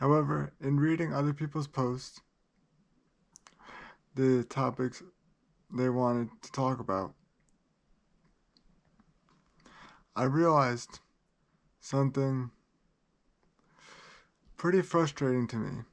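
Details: Adult man with cerebral palsy that he says places great limitations on him; dysarthria due to cerebral palsy.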